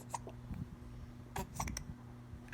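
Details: An infant boy's hiccups: short, sharp hiccup sounds in a quiet room.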